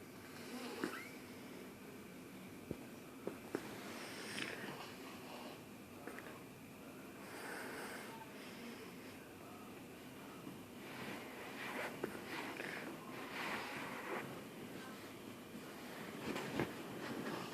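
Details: Irregular, noisy snuffling and snorting breaths with occasional sharp snorts in a small room; snoring and snorting during sleep.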